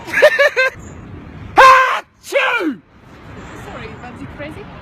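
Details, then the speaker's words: Loud sneeze in public, probably staged as a prank: short quick voice sounds, then a forceful sneeze-like burst and a falling cry with outdoor noise; a bystander protests, "why would you do that," and the sneezer apologizes. "why would you do that I sneezed oh my God sorry about it"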